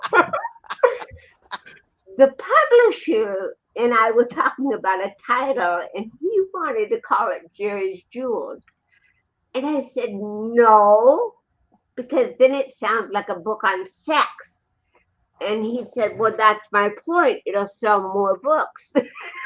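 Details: Dysarthria in a woman with cerebral palsy present since birth in 1956, who also has 75% hearing loss and wears hearing aids; real, not acted, conversational speech.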